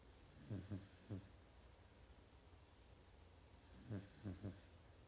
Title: Snoring Dog